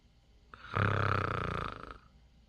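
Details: Eight-day-old newborn baby snoring: one low, buzzing, grunting noise on breathing, lasting about a second.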